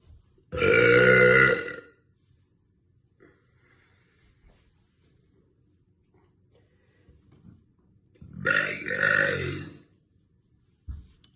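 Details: Adult woman burping: two long, deep, voiced belches several seconds apart; burping (eructation).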